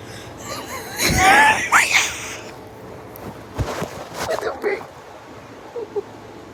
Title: Wheezing laugh is so hard my throat hurts ong don’t mind my cough either